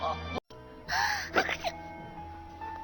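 A voiced, sharp intake of breath from a cartoon character, with background music; a gasp like the build-up before a sneeze.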